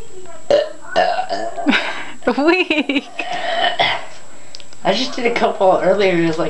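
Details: Person who had been drinking starts burping while trying to pop their knuckles: several loud, drawn-out voiced burps in a row, with brief laughter and talk between them; ordinary belching.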